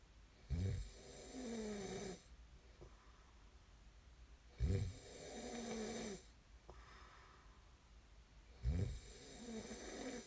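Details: Three loud rattling snores on the in-breath, each followed by a long breathy out-breath, about 15 breaths a minute; typical snoring recorded as snoring ASMR.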